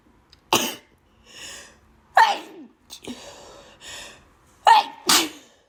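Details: A run of four or five loud, explosive sneezes with quick breaths in between, from a person with bad allergies; sneezing.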